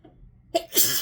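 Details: Sneezy all day, possibly from something in the air during rainy weather: a single sneeze with brief catch of breath then a forceful hissing burst of air, during a sneezing fit; sneeze.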